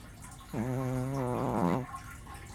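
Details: Brussels Griffon dog asleep in a quiet room gives a single loud, buzzing, tonal snore lasting over a second; snoring.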